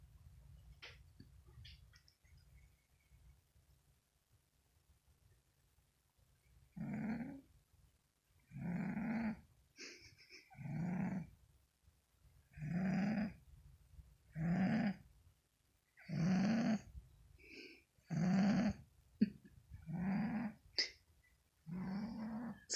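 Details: Sleeping cat snoring: regular rough, rattling snores on each breath, about 32 a minute, after a few quiet seconds.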